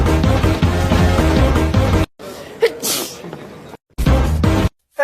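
Pop music cuts out for a single adult sneeze, a quick catch followed by a sharp airy burst, before the music resumes.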